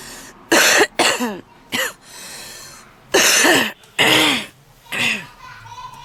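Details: Woman smoking in a car with intense, strong coughing and loud, deep wheezing on almost every inhale; smoker's cough.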